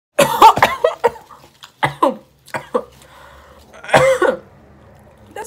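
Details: Person eating Taco Bell on camera chokes on food: repeated harsh, forceful coughs in clusters with throaty sounds between, a choking cough.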